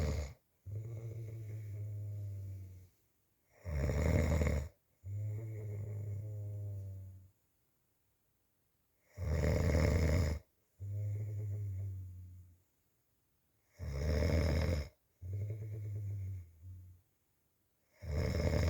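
Loud, regular snoring with a rattling low-pitched sound on each breath, about 14 breaths a minute, with quiet pauses between.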